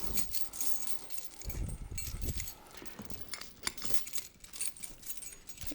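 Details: Metallic jingling and clinking of chains and hooks as a Hoyer mechanical patient lift is attached, shorter chain toward the head, during a caregiving demonstration; patient lift chains clinking.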